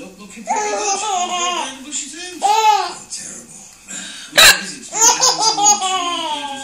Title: Baby laughs hysterically at mummys hiccups!